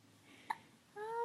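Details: Baby girl, babbling earlier: a single short, sharp hiccup followed by a soft infant vocal sound; ordinary infant hiccups.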